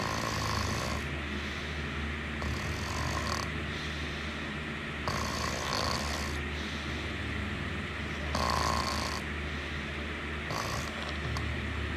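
Repeated rough, fluttering snores rising and falling with breathing over steady background noise, about five breaths in twelve seconds.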